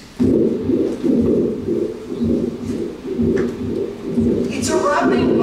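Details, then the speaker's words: 24-year-old female student, anxious before an exam, with chest pain and shortness of breath; harsh, scratchy, crunchy rubbing bursts with each heartbeat, about 60 a minute; pericardial friction rub. "what it is is a picardal fiction R imagine the sack around the heart being inflamed the two layers rubbing against each other creating this crunchy rubbing noise of that's diagnostic lots of noise pericardial friction R"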